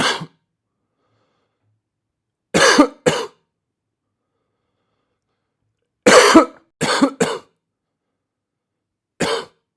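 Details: About eight short, harsh coughs in clusters of one to three, separated by silence; a cough sound-effect recording.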